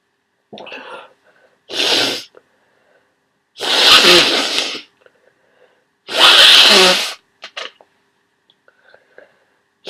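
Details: Person who woke up sneezing and congested with a cold: three forceful, wet, spraying sneezes with sniffles between them.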